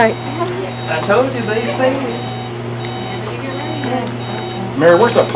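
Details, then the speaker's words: Pulse oximeter alarm sounding while a recovering patient takes his first walking steps in rehabilitation: repeated steady high beeps over encouraging voices and room hum. "where's that pulse ox alarm coming from?"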